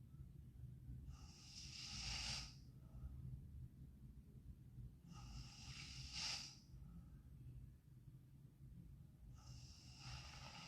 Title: Sleeping Girl Snoring Part 1